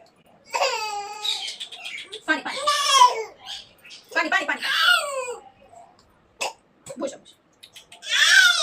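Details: Toddler, feverish overnight and taken to hospital (doctor: child not well, keep from cold), cries hard in loud wailing bursts with gasping pauses and short sobs, faint adult sounds in a small room; toddler crying.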